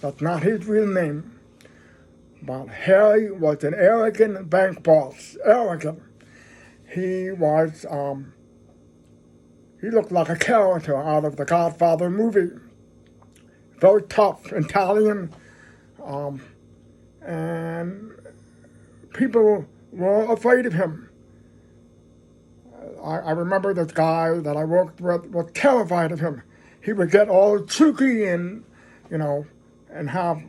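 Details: Deaf man who describes having a "deaf voice"; deaf speech.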